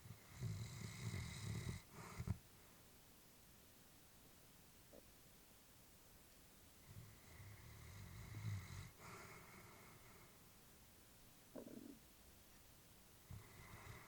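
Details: Elderly female Labrador sleeping: slow, soft snoring breaths with a rattling quality, about two cycles heard; ordinary sleep snoring.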